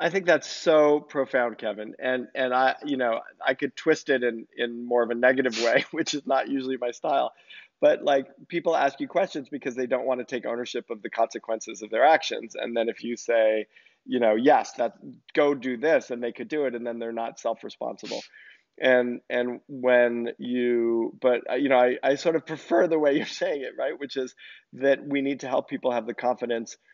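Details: Adult male speaker; normal voice.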